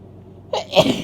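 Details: Female with a congested cold sneezing: a short indrawn breath, then a single sharp explosive burst; ordinary sneeze.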